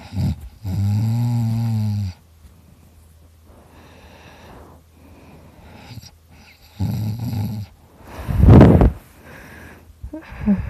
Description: Me having a good nap dreaming about steak as I snore really loudly!